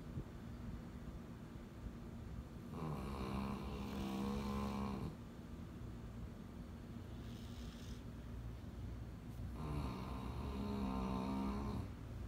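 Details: Two rattling, buzzing snores over a steady low hum, with quieter breaths between them, from a puppy; snoring.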